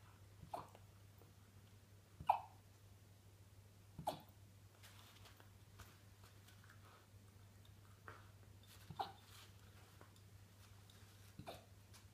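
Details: Malamute puppy during its first hiccup episode: short, sharp hiccups recurring irregularly about every two seconds over a low steady room hum.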